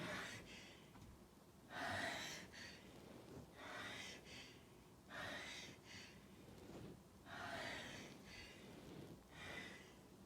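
Repeated loud, noisy nasal bursts roughly every two seconds, fitting forceful snorting rather than crisp sneezes.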